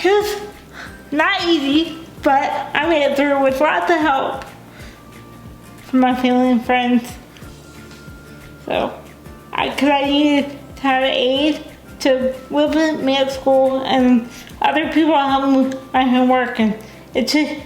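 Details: Dysarthria in a young adult woman with cerebral palsy, a brain injury before birth; she uses a wheelchair, has limited fine motor skills and says she is sometimes hard to understand.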